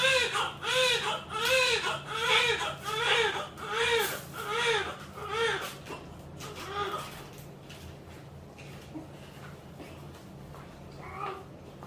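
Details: Newborn crying after a normal vaginal birth, delivered at 9:45: rhythmic, strong cries, about ten in the first seven seconds, then fading to whimpers with room noise, a normal cry.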